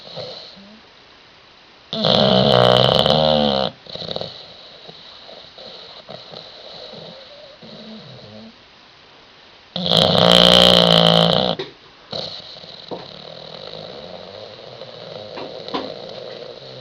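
Loud, rattling snores from a bulldog, two long noisy inhalations with quieter breathing between; typical snoring of a flat-faced breed.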